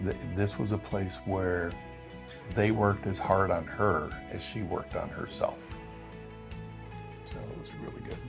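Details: Adult male speaker; typical speech.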